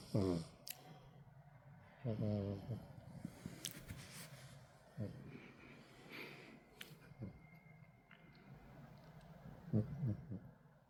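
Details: Rescued male cat sleeping peacefully at home: snoring.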